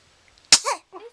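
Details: A single sharp, forceful sneeze, then a brief soft vocal sound, right after her hiccups had been cured; recorded with a Flip Video camera. Ordinary sneeze.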